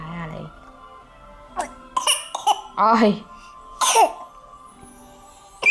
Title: Talk talk talk talk talk and cough